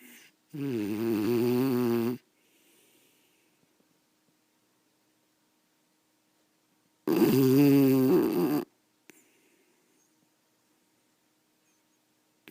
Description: My beagle snores SO LOUD downstairs, it wakes me up in my bedroom with the door closed.